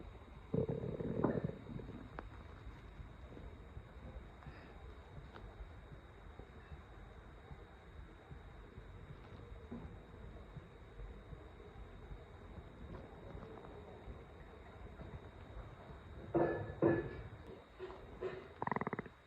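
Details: Gurgling, rumbling stomach growls in short bursts after almost 3 days without solid food, only iced tea that day, with occasional sharp stomach pains; construction noise in background; hunger borborygmi.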